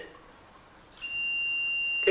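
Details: A steady high-pitched electronic tone starts and holds; a training defibrillator's alert beep during a CPR and defibrillator practice demonstration, pads on right shoulder and left side.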